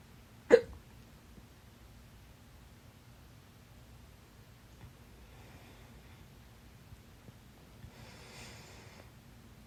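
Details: One sharp, loud hiccup, then quiet room noise, during a 30-minute bout of stubborn fast hiccups late at night; holding the breath failed until the fourth attempt; hiccups.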